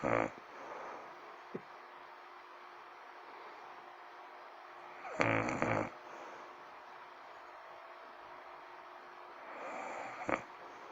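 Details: Loud, rasping snores about every five seconds, roughly 12 breaths a minute, with quiet room noise in between; snoring.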